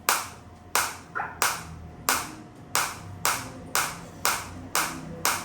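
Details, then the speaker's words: Focused (not radial) acoustic shockwave therapy device firing on the demonstrator's own body at intensity 8, rising toward 9–10 and felt deep inside. Sharp, evenly spaced snapping pulses about two a second before frequency increases. "तो इस तरीके से आप देख सकते हैं ये shock आ रहे हैं। अभी एट इंटेंसिटी है।"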